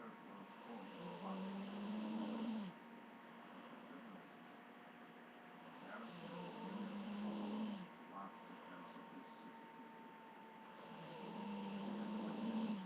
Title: Cute snoring